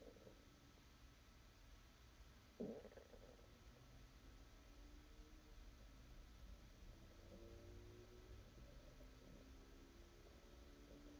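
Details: ASMR recording of a hungry stomach: low continuous rumbling with a brief louder gurgle and faint drawn-out growls, described with hunger pains; normal digestive borborygmi.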